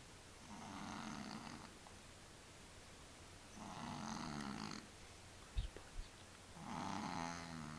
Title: Funny Cats Sleep Snoring